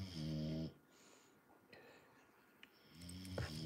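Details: Snoring of a sleeping dog: two loud, low, rattling snores separated by a quiet pause.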